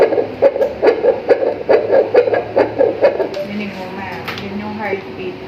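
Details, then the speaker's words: Ultrasound Doppler of a baby girl in pregnancy, anterior placenta grade 2 to 3, heart rate stated 139: fast, regular whooshing pulses about 140 a minute, a normal fetal heartbeat, fading into room noise and faint talk. "Tapos ito yung heartbeat."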